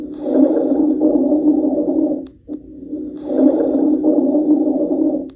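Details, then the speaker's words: Low-pitched, deep, continuous snoring-like breath sounds over two breaths; rhonchi, which often clear with coughing. "Ronai, think of a rhino. They make low pitched deep sounds. This one is continuous, too, but often clears with coughing."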